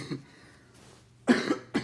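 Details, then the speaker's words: Adult who reports bad lungs, recently finished two weeks of antibiotics and is healing: two to three short, husky coughs after a quiet stretch, with faint room hum; cough. "I just got I just got over a cold. Excuse me. Um, not a cold, but I got bad lungs,"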